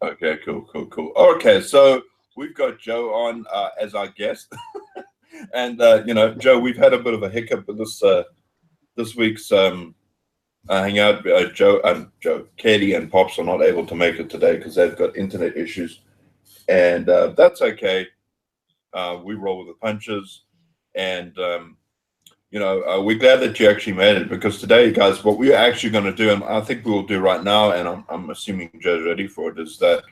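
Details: Adult male speaker; normal speech.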